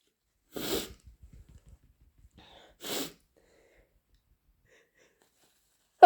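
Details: Sneezing: two sharp, explosive sneezes about two seconds apart with brief breathy sounds between, in a quiet room.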